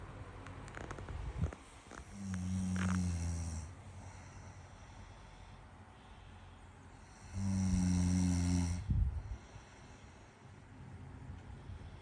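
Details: A sleeping girlfriend snores: two long, low, rumbling snores on inhalation, about 12 breaths a minute, with quiet pauses between. Typical sleep snoring.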